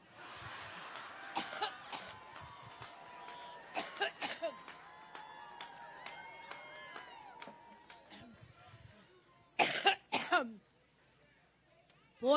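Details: Adult woman coughing during a Labor Day campaign speech in Cleveland, joking she gets allergic: repeated harsh coughs in clusters over crowd noise, a coughing fit.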